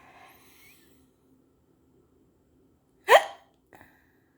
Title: trying to fix my hiccups (a bit of a 5 min video)